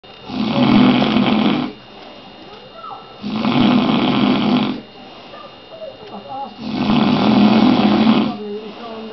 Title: Snoring dad head bop